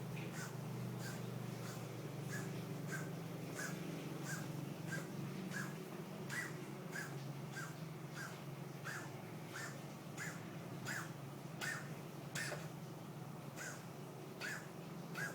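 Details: Cat with asthma, X-ray showing unclear upper airway and overweight, coughs in a rapid run of short, dry hacking bursts over a steady low hum: a feline asthma coughing episode.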